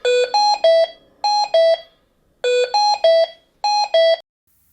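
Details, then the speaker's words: Hamilton T1 ventilator, red high-priority alarm during invasive or non-invasive ventilation: two bursts of five rising-falling beeps calling for immediate action. "red indicates a high priority alarm that emits five beeps implying immediate action is required"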